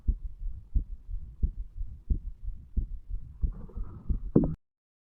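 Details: Irregular heartbeat with skipped beats in a 35-year-old male, recorded lying in bed a few hours after going to bed, over the mitral (bicuspid) valve area; alcohol effects; low thumps around 90/min with uneven spacing and pauses.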